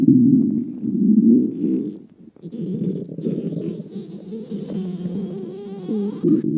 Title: お腹が鳴る女の子 A girl's stomach growling